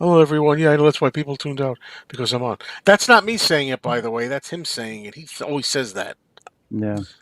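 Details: Adult; no speech disorder.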